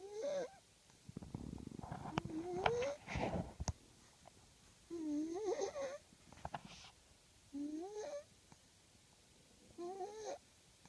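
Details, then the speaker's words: Sleeping baby snoring lightly: squeaky, whistling nasal breath noises with soft snorts, repeating every couple of seconds. "these may be the cutest sleeping noises ever sleepy sleepy in the sounds like an Amal"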